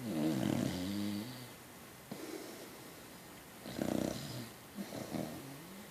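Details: Beacock dog snoring, louder than most people: three rough, rumbling snores on inward breaths, with quiet pauses between them in a small room; ordinary animal snoring.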